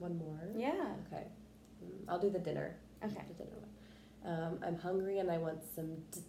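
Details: Role-played (acted) client practicing the cancellation technique on a word, reporting more tension on the first attempt and reduced tension on the second; stuttering, cancellation technique.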